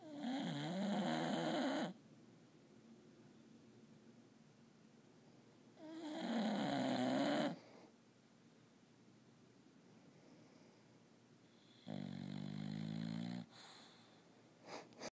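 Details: Three slow, rattling snores about six seconds apart, roughly ten breaths a minute, in a quiet room: snoring.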